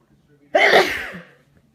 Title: More sneezes. I was fine this morning!